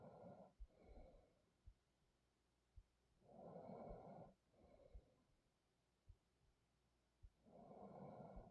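Slow, noisy sleep breaths with rough snoring on some breaths, about 14 a minute, over steady room hiss and occasional clicks.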